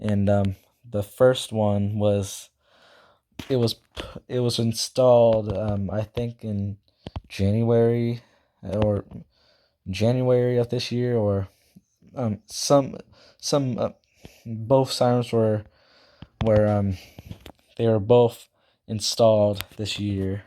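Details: Self-reported stuttering in a male speaker who also says he talks too fast and cannot speak properly; stuttering.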